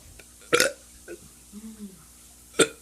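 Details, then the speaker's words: Two loud, abrupt, deliberate belches from a teenager trying to burp and talk, with faint throaty sounds between them. "i'm about to do some burps and talk because this one dude requested me to talk"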